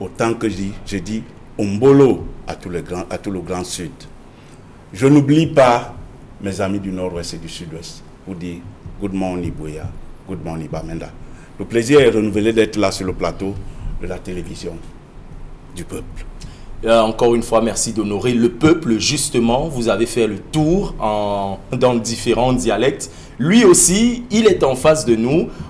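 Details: Adult male speaker; normal voice.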